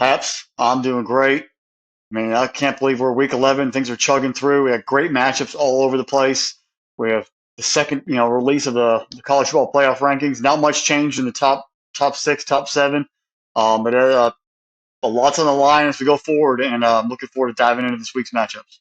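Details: Adult man speaking; Normal voice.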